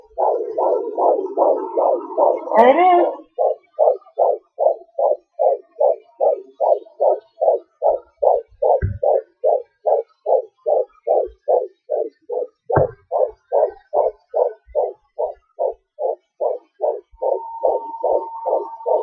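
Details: Home fetal Doppler at 18 weeks 4 days of pregnancy, recorded on a laptop: rapid, regular whooshing fetal heartbeat about 150 beats a minute, a normal rate; baby moving.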